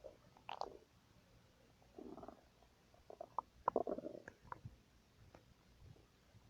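Quiet gurgles, squeaks and bubbling rumbles come in irregular bursts: ordinary stomach rumbling from gas and fluid moving through the gut.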